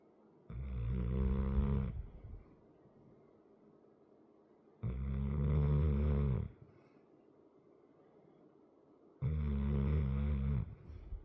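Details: Sleeping large 100 lb dog with a chronic crusty nose snoring: three loud, deep, rattling snores, one with each breath in, about every four seconds.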